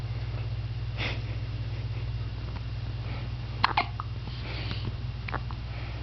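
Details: Hiccups recorded 12/15/06: a few sharp, abrupt catch-like sounds over a steady low hum.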